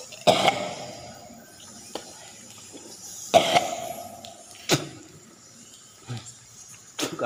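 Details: Three harsh cough or retching bursts with smaller throat sounds in a small echoing space; coughing and gagging after exposure to bats, warned to cause coughing, breathlessness, vomiting.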